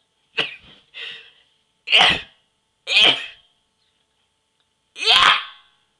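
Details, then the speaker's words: Repeated sneezes deliberately triggered with a sneeze inducer: five sharp, explosive bursts of air, each with a quick hissy release and a pause between. "so yeah I'm going making another sneezing video for you now and upload it tonight maybe and yeah um um here it goes I have my sneeze inducer and I'll be getting some tissues in a second"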